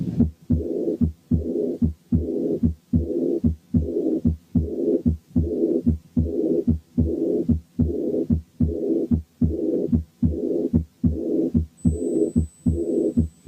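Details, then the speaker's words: Aortic regurgitation: regular heartbeat at about 74 a minute with a long blowing early diastolic murmur following each beat. "وبعدين نسمع حالة aortic regurgitation فيها early diastolic murmur."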